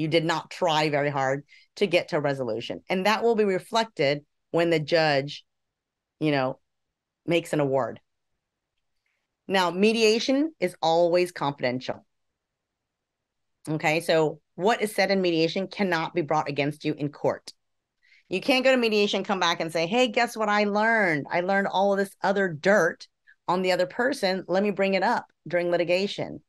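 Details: Adult speaker; ordinary speech.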